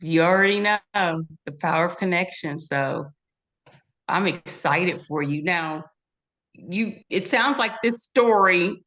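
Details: Adult woman speaking; Normal speech.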